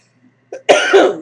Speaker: yes I'm still coughing people do I look worried I refuse to be worried okay so pressing on yes you will still see me coughs but just the word cost gets me coughing okay pressing on